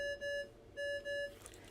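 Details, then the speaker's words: Pairs of short electronic beeps repeating: a child's overnight home oximetry monitor alarm, sounding for poor signal quality or a disconnected sensor. "if there is an issue with signal quality an error message will be displayed on the front of the monitor and the monitor will alarm to alert you of this"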